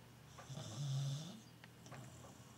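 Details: Blind, diabetic Tibetan Terrier dog snoring while asleep: one low, rumbling snore on a single breath, with quiet breathing either side.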